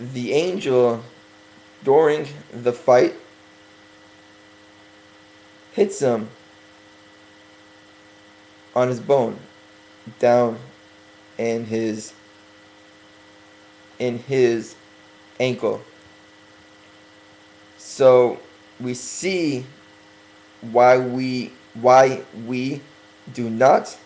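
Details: Adult man working on his stuttering, deliberately speaking slowly for a few weeks as self-correction; stuttering.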